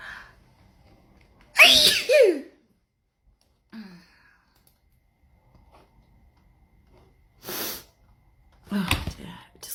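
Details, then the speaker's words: Paroxysmal sneezing fit with no known trigger: several forceful sneezes in quick succession, with short gasping inhalations between them. "I go again, another sneezing fit. Oh gosh, it's that's it. That's all of it."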